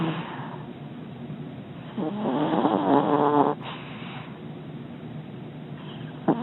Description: Some audio of a very comfy Scoot making a lot of noise next to me in his doggie bed